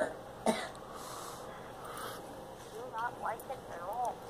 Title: Girl coughing